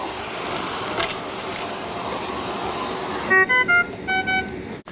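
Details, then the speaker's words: Puritan Bennett 980 ventilator high-priority patient disconnect alarm: steady hiss of airflow, then a rapid series of high-pitched beeps after the circuit is deliberately disconnected in a training demonstration. "we have a situation where the patient is disconnected sometimes you may be in an ICU where there is a number of ventilators going off all at the same time and this is a pretty critical alarm right now that patient is disconnected"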